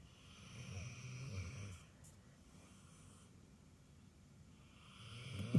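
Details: Snoring during sleep: low rumbling breaths, two soft snores with quiet breathing between.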